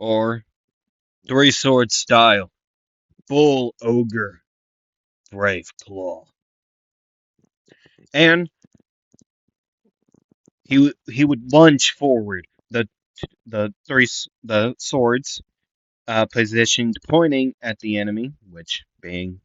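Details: Stuttering in a male narrator who says he stutters a lot, repeats things and sometimes goes quiet; he also reports being congested.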